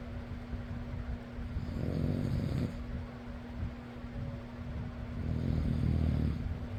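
Low rattling snores on breathing in, about two in seven seconds, over steady fan noise; snoring.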